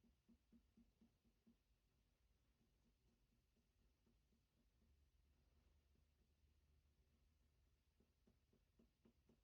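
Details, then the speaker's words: Finger percussion of the abdomen during a bedside abdominal assessment, done after auscultation: soft, quick taps giving hollow tympanic notes throughout, with slight dullness only over the upper gastric area. "And I'm listening. I'm just hearing um my temp tony. Really didn't hear any dness except for a little bit in that gastric area."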